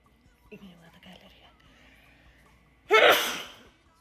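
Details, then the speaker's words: Soft breathy sounds and a gasp, then one loud explosive sneeze from a woman during a sudden allergy attack, also with a sore throat. "Yo creo que es porque cuando estornudo jalo mucho la garganta, no sé. Y me fui a hacer el examen de la vista y también empecé a estornudar como loca."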